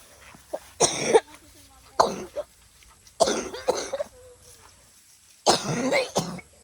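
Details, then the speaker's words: Persistent harsh cough in four bursts, some doubled, with brief throat-clearing between; speaker says the cough won't go away despite taking many medicines; cough. "Grabe po guys ang ubo ko. Hindi na naalis. Grabe. Ubo ito."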